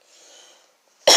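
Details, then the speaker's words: Sick girl with raspy voice: faint breathy hiss, brief silence, then one loud harsh cough burst, cut off; cough. "I'm sick right now you guys can kind of hear my voice is raspy and I'm kind of like coughing and stuff so I'm sorry about that"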